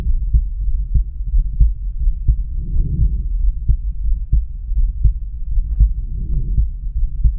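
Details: Heartbeat heard at the aortic area on heart exam, low thumping at about 88 beats a minute with scraping noise in places; no abnormality named.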